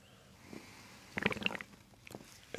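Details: During a chiropractic abdominal treatment two inches above the belly button, with belly breathing, a brief run of bubbling, gurgling abdominal sounds, ordinary bowel sounds.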